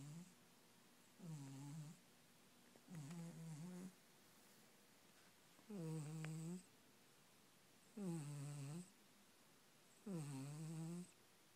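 Regular, buzzing snores from a sleeping cat, about five in eleven seconds, in a quiet room; ordinary harmless snoring.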